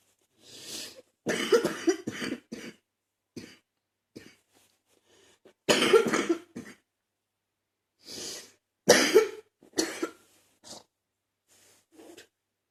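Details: Person repeatedly coughing in three bouts of harsh, chesty, loose rattly coughs with effortful breaths between, trying to clear phlegm from the chest; productive (wet) cough.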